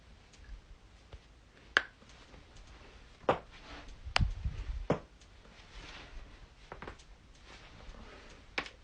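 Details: Loud back crack and more cracking: several sharp, brief cracks and pops in a quiet room, joint cavitation during manual adjustment.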